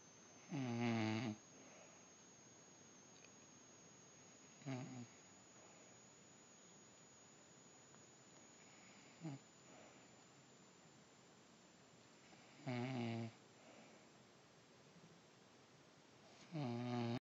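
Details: Mother snoring during sleep: loud, rough snores on breathing in, recurring irregularly about every four seconds, over steady room hum.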